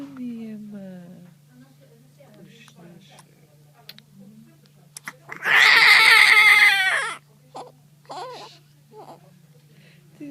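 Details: Newborn in the first minutes of life: a single loud cry lasting under two seconds, with soft fussing around it and a steady low hum in the room.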